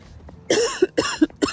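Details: Three harsh, forceful coughs in quick succession with voiced tails, recorded while out walking, from a post-menopausal woman over 50 who has been coughing up blood this week and is under a doctor's care; productive-sounding cough.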